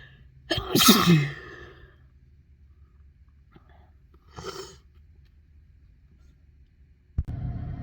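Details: Induced sneeze: one loud sneeze followed by a softer second burst in a quiet room; from a compilation of restrained, into-tissue and mostly normal sneezes.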